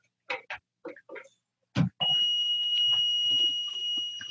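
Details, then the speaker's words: Continuous high-pitched electronic alarm from an oxygen concentrator, deliberately unplugged to demonstrate power loss during a nursing home and hospice oxygen therapy talk; brief speech first, described as the "not working, keeps beeping" call. Oxygen concentrator alarm. "have you ever gotten a call for that keep on it's not working and it keeps making this beeping"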